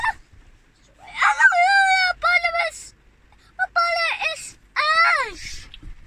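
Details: Vocal stimming by a non-verbal autistic boy, a twin with complex needs, who constantly chatters and makes noise and stops only when unwell.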